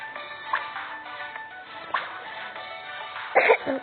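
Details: A child playing a video game gives a few short, sharp, dry-sounding coughs, loudest near the end, over game music.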